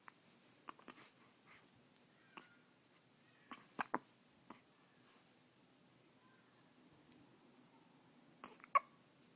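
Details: Baby with hiccups: about ten short, sharp, quiet catches at irregular intervals over nine seconds in a quiet room; parent notes the baby also hiccuped in the womb.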